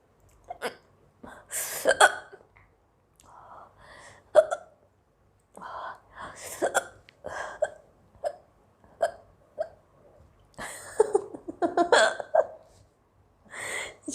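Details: Indian girl with long-lasting hiccups, trying black pepper powder as a remedy: repeated abrupt, voiced hiccup catches every second or two, mixed with soft speech and laughter.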